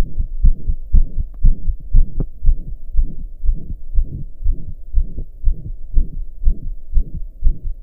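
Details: Regular heartbeat of about 120 a minute with a whooshing murmur blurring the beats, recorded lying down after the heart had finally calmed from pounding hard for hours; loud heart murmur.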